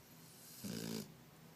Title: snoring